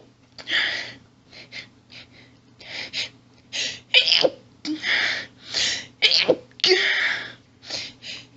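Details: Adult female stifling her sneezes, which she feels only makes her sneeze more: rapid run of about a dozen hissing stifled sneezes with heavy hitching catching breaths between; intense stifled sneezing fit.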